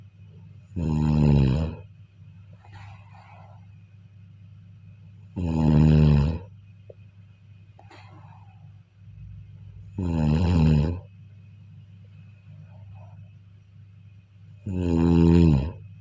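Loud, rattling snores on each in-breath, about 13 a minute, with quiet exhalations between; ordinary snoring.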